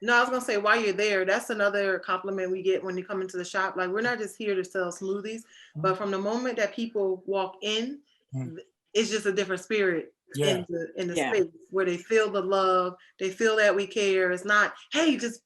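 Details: Adult speaker; no speech disorder.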